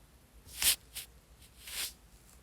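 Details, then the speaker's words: Brief hissing, slurping suction bursts as endoscopic microsuction draws a severely squashed, impacted plug of wax and dead skin, dented by cotton bud use, out of the left ear canal. "So we're just going to tease it through. And so just working from the top, and I'm almost rolling it down and out, and there we are, it's nearly out of the ear."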